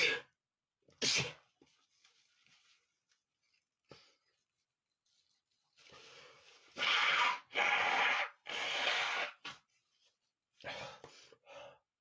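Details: A male who says he has got sick gives a quick sneeze, a quiet gap with small breaths, then a run of several forceful, hissing sneezes in close succession: sneezing.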